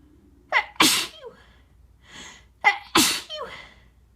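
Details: Two normal sneezes induced by tickling the nose with a tissue, each a short catching inhale then a loud explosive burst; sneeze.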